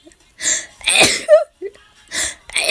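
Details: Several sharp, hissy sneezes in quick succession with short intakes between; repeated sneezing, which the person says happens a lot.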